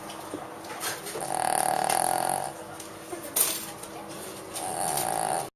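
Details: Light snoring from a dog taking a nap: soft, whistling nasal snoring breaths with faint snuffles.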